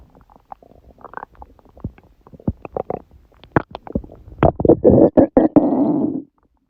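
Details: Loud gurgling, squeaking, bubbling bowel sounds in irregular bursts ending in a long rumble, recorded at 1:30 am on waking, six hours after a large udon meal at 19:30; owner suspects gluten; borborygmi.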